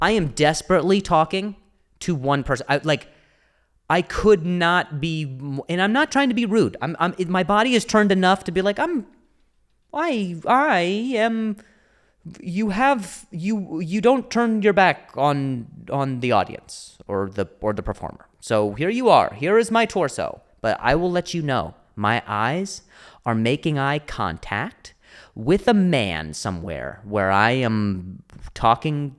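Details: Adult male comedian with a stutter (speech impediment), speaking spontaneously on his solo podcast; stuttering.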